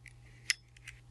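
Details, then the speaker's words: Flexhaler dry powder inhaler: one sharp plastic click as the brown base is twisted one way and back, loading the medication dose. "clicks, and back, and now that has loaded the medication."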